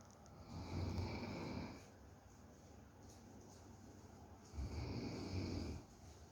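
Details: Dog (Macky) snoring while asleep: two low, rattling snore breaths a few seconds apart with quiet room sound between.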